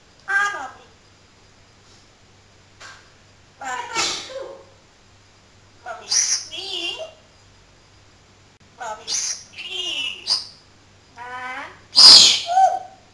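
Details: A talking parrot imitating its owner's sneeze: chirps and speech-like calls ending in a loud, sharp, sneeze-like burst.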